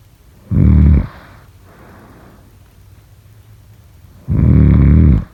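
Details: Snoring: two loud, low, rattling snores on breathing in, about four seconds apart, with a soft breath out between them.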